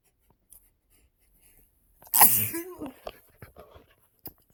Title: finger under nose, feather sneezes